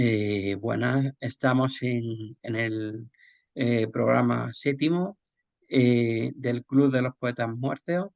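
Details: Adult male speaker; typical speech.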